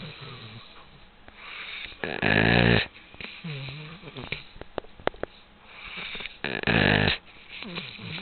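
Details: Two-year-old female golden dog asleep: loud, rough snores, two big snorting breaths about four seconds apart with quieter breathing between, keeping everyone up all night; ordinary dog snoring.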